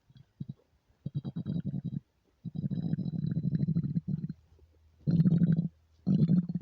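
Low, bubbly, gurgling rumbles in several long bursts with pauses; ordinary stomach growling from an empty stomach.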